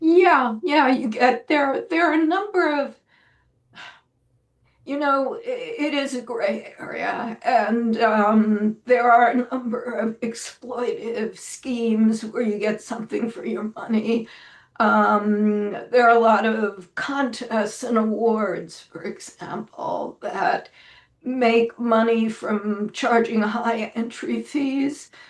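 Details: Woman with spasmodic dysphonia, self-reported; severity varies from day to day and she says this recording is on a not particularly good day; real, not acted; spasmodic dysphonia.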